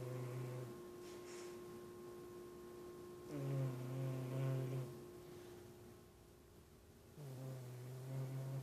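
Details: Soft, low, buzzing snores recurring about every four seconds from a pet cat sleeping through the day, with steady room hum behind.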